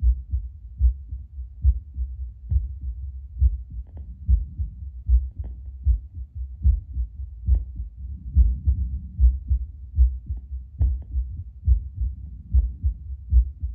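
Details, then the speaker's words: Adult's heartbeat about two minutes after drinking espresso, via a Bluetooth Littmann CORE stethoscope on a speaker: steady regular lub-dub at about 72 bpm with faint hum, rate little changed but beats stronger. Normal heart sounds. "It's very relaxing. Just like listening per minute doesn't seem to have changed too much. Sounds like my heart's just beating a little bit stronger."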